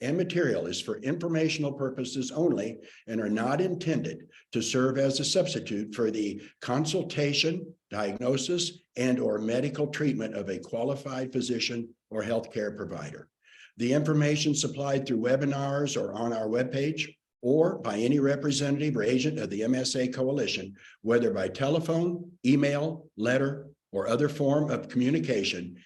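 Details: Adult male speaker; normal speech.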